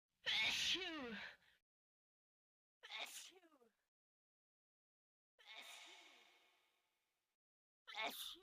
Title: In 54seconds ,you can hear 25 types of sneeze #viral